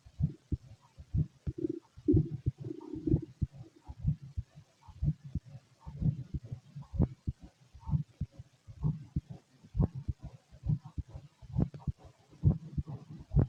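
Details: Fit male, heard through a stethoscope while digesting a meal of pastry, chicken, curry, bread, milk, eggs and pasta; steady low thumps at about 64 a minute: normal resting heart sounds.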